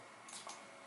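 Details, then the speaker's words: Simulated temporomandibular joint click: two soft, brief clicks over a faint hiss as the mouth opens and a displaced disc catches then releases. The patient described loud jaw clicking on every opening, one missing lateral incisor, misaligned bite and marked facial asymmetry. "때는 부드럽게 움직여야 되는데 빠져나온 디스크가 걸렸던 풀어지면서 이렇게 소리가 나자 다시 한번 봅니다 꽉 물면 d 스카프로 나오고 입을 벌릴 때 걸렸다가 어긋남 에서 소리가 납니다 이게 관절 잡음 소리가 나는 거죠"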